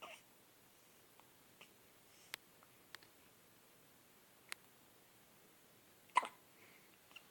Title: More baby hiccups